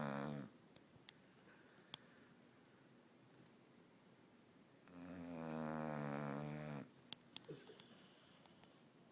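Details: Sleeping dog, Pumpkin Smooch, snoring: long, buzzing, rattly snores on the breath in, with quiet room and faint clicks between; owner wonders about a sinus problem.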